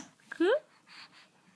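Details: Single small sneeze: a short indrawn catch followed by a quick, rising, squeaky burst, not a wheeze.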